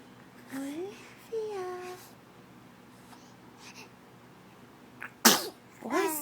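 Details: Baby girl in the morning at breakfast time before her bottle: soft infant vocal sounds, then one sharp sneeze followed by a brief cry-like whimper; sneezing.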